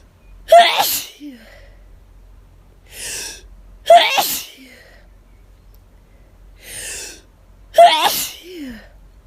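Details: Hay fever sufferer out of medication, itchy and lightheaded: rapid, intense sneezing, three forceful sneezes, each preceded by a sharp intake of breath, with quiet breaths between.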